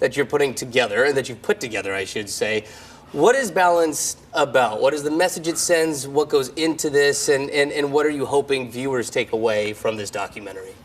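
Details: Adult male speaker, interviewer; normal speech.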